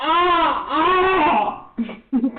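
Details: A baby, reportedly fed up with dad's snoring, gives a loud tonal wail lasting over a second, followed by short fussing sounds. Infant cry.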